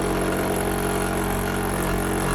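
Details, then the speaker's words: Steady, loud motor hum and constant drone of a suction machine running while its negative suction pressure is set; about 80–120 is used for a baby. It is very noisy but suctions well. "These machines are very noisy, but they suction"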